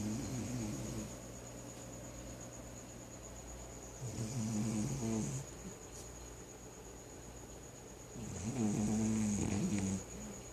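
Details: Snoring: steady, rattling snores about every four seconds, roughly 14 breaths a minute, over a constant high background hum.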